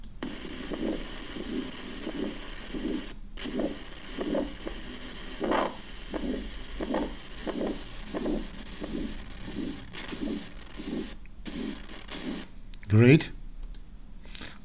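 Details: Pulmonic stenosis murmur played as an example in a cardiac auscultation teaching recording for medical students.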